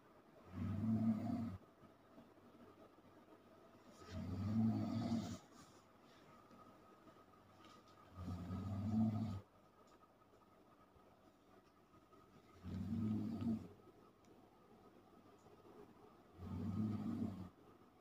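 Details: Dog sleeping on a bed, eyes still open: loud, low rumbling snores, about 15 a minute, each roughly a second long, with quiet breathing between; snoring.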